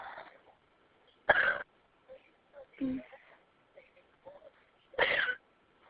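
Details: Hiccups: abrupt, sharp vocal jolts at irregular intervals, two loud ones and several softer catches between them, with quiet room noise.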